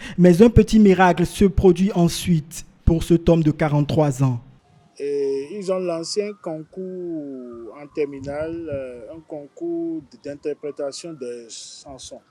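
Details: Adult male narrator, then a second adult male speaker; normal speech.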